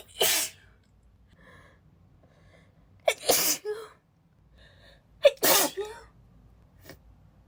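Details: Female, still a little sick, not suppressing: three forceful, breathy, spraying sneezes in quick succession, the last two with a sharp inward catch first; sneezing fit.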